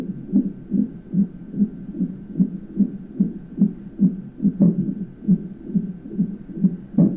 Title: monitoring the baby, if you listen, he has hiccups and you can hear it... trippy.